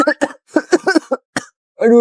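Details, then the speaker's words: Child fakes a run of short, voiced coughs during play, complaining of being very itchy; acted cough, not real illness. "aku batuk banget. Aduh, gatal banget."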